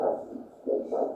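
Rhythmic whooshing pulses from a handheld Doppler over the ankle artery, a pulsatile posterior tibial arterial signal during ankle pressure measurement.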